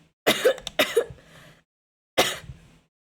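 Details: Three harsh throat-clearing bursts in quick succession from an adult streamer who has lost their voice, with sore vocal cords and congestion settled in the throat.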